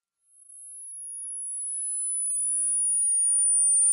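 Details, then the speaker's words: Non-clinical high-pitch hearing test played through enclosed headphones in quiet conditions: a very high, thin pure tone fades in from silence and slowly grows louder; the time until it is heard indicates hearing. High-frequency hearing test tone. "pause the video as soon as you start hearing a high-pitched sound in order to see your results"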